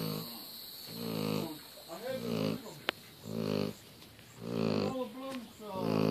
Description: Great Pyrenees snoring.